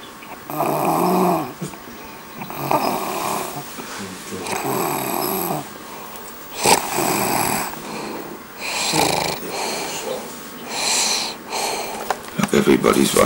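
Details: Person snoring in front of friends: loud rattling snores recurring about every two seconds, with room noise and a brief voice near the end.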